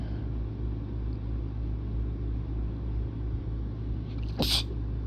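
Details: A single sharp sneeze from a person with a sinus flare-up who feels sick, heard near the end over steady low engine rumble.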